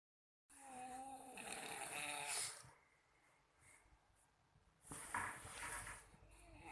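Loud, rough, rattling snores on breathing in, with quieter breathing between; typical snoring.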